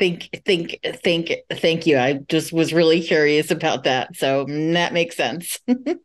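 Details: Adult moderator asking a question in English during a session for people who stutter; part-word and whole-word repetitions are audible; stuttering.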